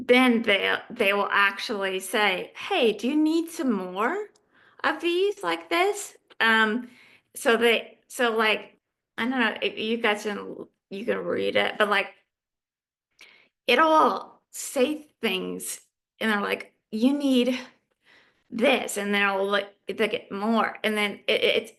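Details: Adult female living with aphasia who is in recovery; aphasia.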